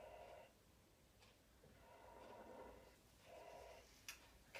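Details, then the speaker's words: Physiotherapist auscultating the side of the chest through a stethoscope, just under the armpit: breath sounds with crackles heard on inspiration. "so I can hear some crackles on inspiration there"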